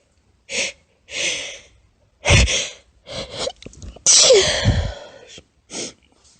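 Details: A run of about seven small, high-pitched, squeaky, partly stifled sneezes from a female, with brief breaths between bursts.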